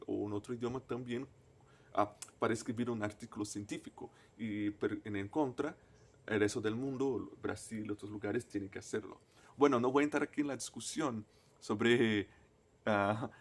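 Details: Stuttering in a person who stutters, a native Portuguese speaker speaking Spanish as a foreign language.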